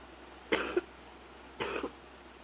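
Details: Two short, muffled, restrained coughs about a second apart against quiet room noise, recorded at night while trying to stay quiet; cough.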